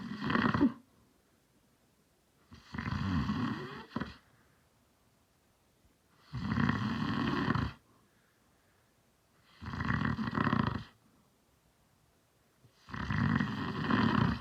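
Loud, rattling snores on each in-breath, about five in fourteen seconds, separated by quiet pauses; ordinary heavy snoring.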